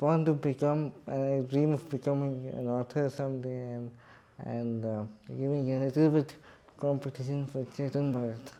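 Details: Adult man with cerebral palsy speaking in his own voice; dysarthric speech (cerebral palsy).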